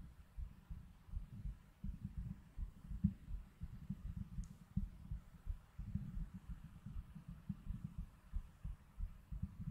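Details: A streamer's own heartbeat picked up by a heartbeat microphone during an ASMR stream, soft, low, repeated thumps over a quiet background; a heartbeat.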